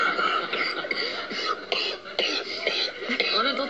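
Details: Adult male TV presenter on a studio set gives several short, harsh coughs mixed with throat clearing and bits of speech over light studio noise; cough.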